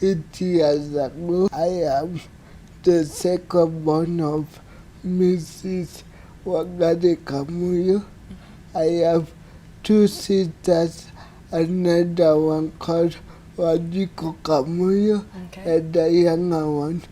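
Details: Dysarthria in an adult man born in 1984 with cerebral palsy diagnosed soon after birth, which hindered his physical development and speech.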